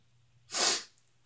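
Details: A single sharp, hissing sneeze burst lasting under half a second against a quiet room hum; the person announced they were about to sneeze.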